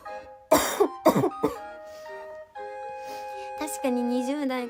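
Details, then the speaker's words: Girl with a persistent cough, apologizing for it: three sharp cough bursts followed by a throat clear, over steady background music. "お友達失礼しました。本当に咳がごめんね。"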